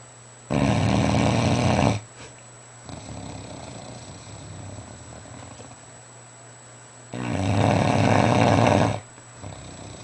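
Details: Fila Brasileiro (Brazilian Mastiff) snoring while asleep in bed: two long, loud, rumbling snores, each about two seconds, with quieter breathing between.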